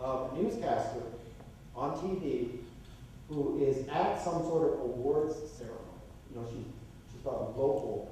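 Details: Adult male lecturer; typical speech.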